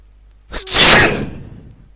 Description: Soccer and sneezes.